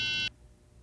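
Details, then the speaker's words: Welch Allyn SureSight handheld autorefractor solid tone: a brief steady high tone indicating the required 14-inch distance from the patient's pupil and readiness to take readings. "the most important tone is the solid tone it indicates that you are at the required 14 in from the patient's pupil"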